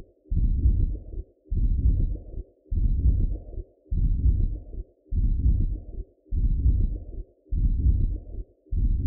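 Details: An adult's own heartbeat recorded through a Doppler gives steady whooshing pulses at about 50 beats a minute, a normal heartbeat.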